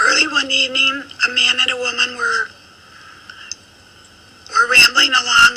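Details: Female speaker with self-reported adductor spasmodic dysphonia, a neurological voice disorder, reading a passage; adductor spasmodic dysphonia.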